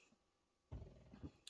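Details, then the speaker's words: Low, rough, rumbling breaths from a sleeping dog lying beside the speaker; ordinary dog snoring. "oh I'm at the end of a row I have done three rows then there you go the dog's snoring at the side of me if you can hear that"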